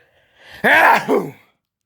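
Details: Loud voiced sneeze after a drawn-in breath, with a short tail, acted for a comedy skit about not saying "bless you".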